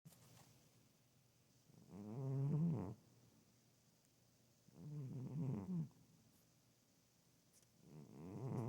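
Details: Female cat snoring loudly while asleep: slow, rumbling, fluttering snores about every three seconds, roughly 20 breaths a minute.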